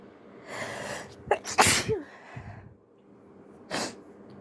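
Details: An attempt at stifling sneezes: an indrawn breath, a muffled, partly stifled sneeze burst, then a second short sneeze, with faint room hum.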